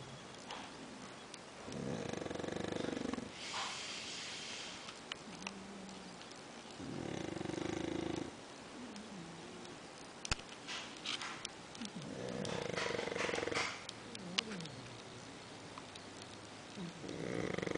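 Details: Loud rattling snores roughly every five seconds, with quieter breathing between, recorded while a man and another sleeper slumber; snoring.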